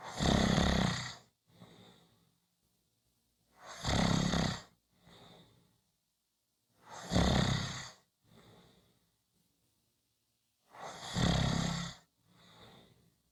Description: Short snoring Clip, come back on Friday for a longer snoring audio.